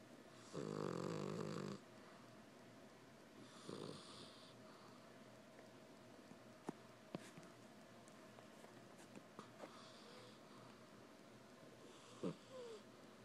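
A loud, low, rasping snore on an in-breath, then a softer one, in a quiet room with small clicks and a brief squeak. Cat snoring.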